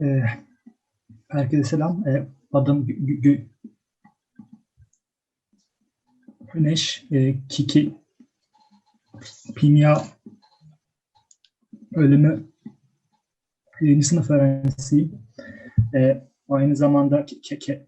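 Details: Adult female speaker; stuttering.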